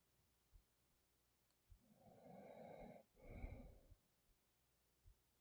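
One drawn-out, rumbling snore over a breath in and out, over steady background hiss; sleep snoring.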